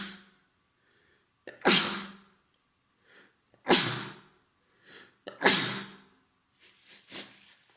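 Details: Three forceful sneezes, each with a short in-breath and sharp noisy burst, plus sniffles between, from an adult man with a cold for three days, stuffed yet runny nose and sore throat.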